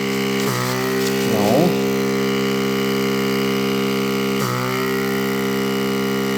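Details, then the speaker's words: Oxygen concentrator running after a major repair, output airflow tested with tissue paper: steady motor hum with strong droning tone and brief airflow pulses; working fine. "Yeah. See? The air is blowing. It's working fine now. It's working fine."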